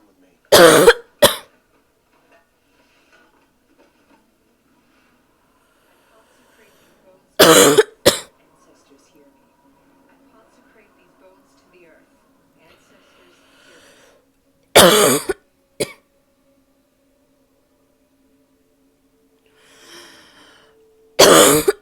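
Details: Adult woman gives four harsh, loud barking cough bouts, each a sharp burst followed by a shorter second cough.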